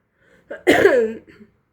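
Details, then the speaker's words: Adult woman with breathing problems, awaiting respiratory physiotherapy: single throaty, voiced, rattly cough; she feels mucus wanting to come up but not clearing, stuck in the airways; wet cough with retained mucus. "Et puis on sent que ça veut sortir mais ça sort pas donc ça doit être collé."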